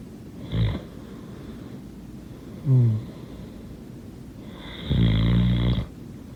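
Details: Three irregular snorting, rattling snores of varying length over background hiss; snoring during sleep.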